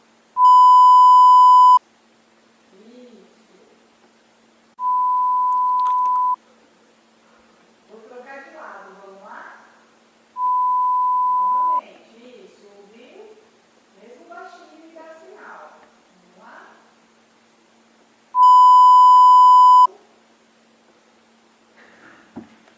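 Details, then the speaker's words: Simulated pure-tone audiometry hearing test recorded in first person: the examiner tells the patient to raise a hand at each beep, loud or soft; four steady pure-tone beeps of varying loudness alternate with soft speech. "Ouviu o apito, vai erguer a mão pra mim. Mesmo se o apito for alto ou for bem baixinho, você me dá sinal, tá bom?"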